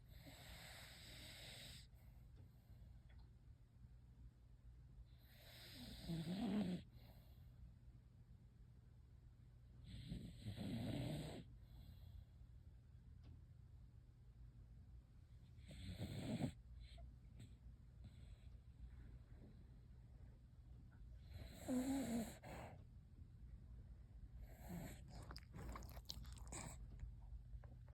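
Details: Sleeping dog snoring in slow, rough bursts, about a dozen breaths a minute.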